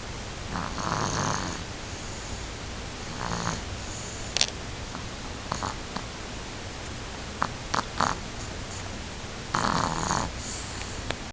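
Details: Soft, irregular snoring snorts from a sleeping animal, with brief clicks and rustles in a quiet room; snoring.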